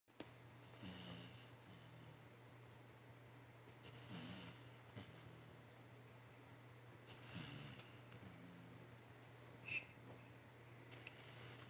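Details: Chase the Beagle relaxing asleep on the couch, tongue peeking out, snoring softly and rhythmically with each breath, about 20 per minute, over a steady low room hum.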